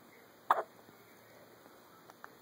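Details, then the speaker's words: One short, abrupt morning hiccup from a baby girl, followed by faint soft sounds in a quiet room. "the hiccups this morning whoa that was a big one"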